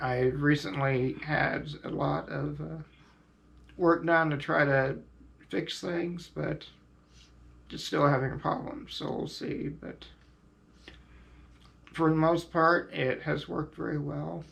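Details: Adult man, quadriplegic from high-level spinal cord injury, on ventilator and diaphragm pacemaker via tracheostomy button; devices irritate his throat and prolonged speaking is difficult; ventilator-dependent tracheostomy speech.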